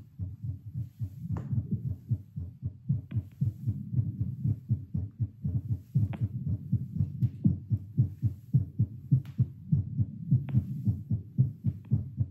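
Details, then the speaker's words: An adult's own heart through a Littmann CORE stethoscope while doing 10 squats: fast, steady lub-dub rising from about 85 on standing to 100, peaking at 115 near squat six by pulse oximeter. Normal heart sounds, exercise tachycardia. "I like how it sped up really fast. Like, as soon as I stood up, it went up to, like, 85, and then it was quick to go into 100. The highest I saw on here was 115."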